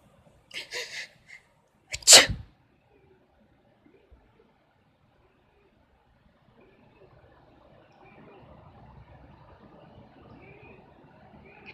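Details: Female cat with a few small sneezes followed by one sharp, louder sneeze, then quiet room noise; sneezing.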